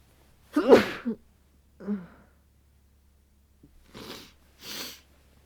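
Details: Tired, muffled sneezes into a duvet, several with a quick in-breath before them, in a quiet room. They come after time outdoors in freezing, windy weather. The nose feels sensitive, and the person worries about coming down with a cold.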